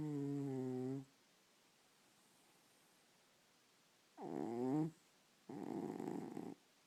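Soft rumbling, purr-like breathing sounds in a quiet room, consistent with a cat snoring during sleep.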